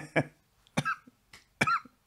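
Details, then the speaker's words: Adult male, sick, coughing all day with sore wrecked throat, retching and choking, pounding head: three harsh, forceful cough bursts in about two seconds, each with a rough throaty catch; repeated coughing. "i have been coughing up all day my throat is wrecked i can i am sore from all the coughing and wretching and choking it's ridiculous"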